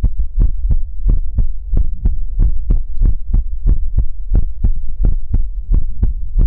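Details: ASMR relaxation livestream heartbeat sound: deep, muffled paired thumps repeating steadily at about 88 beats a minute over a soft hum.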